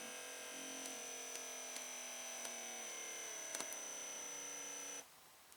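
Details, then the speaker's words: Steady quiet motor whine with faint clicks, stopping abruptly when the pump shuts off, as an automatic digital upper-arm blood pressure monitor inflates on a seated adult's arm resting on a table: blood pressure monitor cuff inflation. "And just press the button. It will come on and automatically take my blood pressure."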